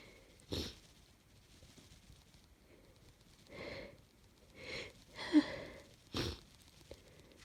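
Several short sneezes and wet sniffs with quiet gaps between them; a sneezing fit with a congested nose from a cold.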